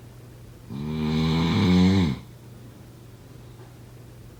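One loud, rattling, tone-like snore on breathing in, then quiet until the next breath begins.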